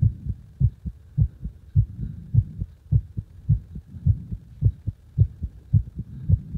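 Strong, deep thumping heartbeat with paired lub-dub sounds, about 105 beats a minute, regular and loud.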